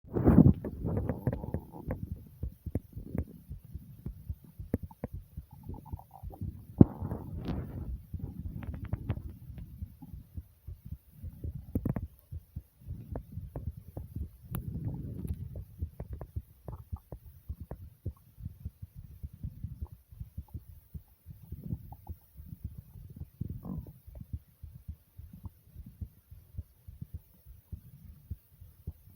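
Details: Recording of own heartbeat with stomach growling along with it: low, quick thumping heartbeat mixed with gurgling, rumbling stomach noises; fast heartbeat with bowel sounds.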